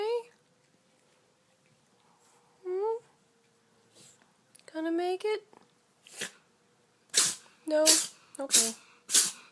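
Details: Cat (kitty) sneezing repeatedly in a bout lasting over a minute: a few high mews, then about five short, sharp sneezes close together; sneezing.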